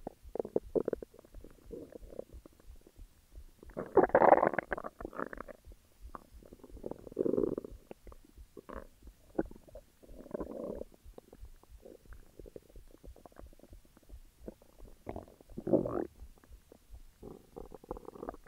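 Irregular gurgling and rumbling with bubbling pops and louder growls; normal stomach growling.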